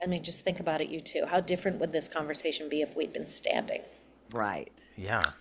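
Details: Adult woman speaking; typical speech.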